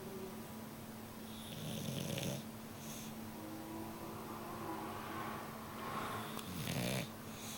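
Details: Bulldog snoring in sleep: soft, low snores on two breaths over steady room hum, fairly faint.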